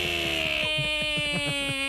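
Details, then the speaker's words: An adult imitates a man's snoring after surgery removing his tonsils, uvula and part of the soft palate: high-pitched, rhythmic, frog-like croaking snores over a steady background tone; imitated snoring. "Who could sleep during that? It sounded really high pitched and way worse."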